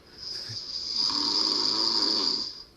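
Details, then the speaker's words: Sleeping adult man with obstructive sleep apnea gives one long, rasping, hissy snore as his airway becomes blocked; loud snoring as a classic symptom. "apnea is a disorder in which breathing stops and starts during sleep the airway becomes blocked sufferers often wake up Suddenly loud snoring is a classic symptom"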